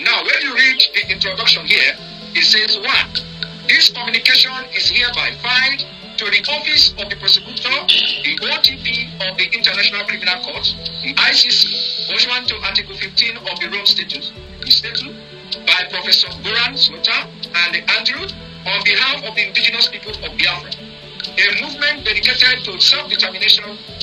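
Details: Adult man reading aloud; normal speech.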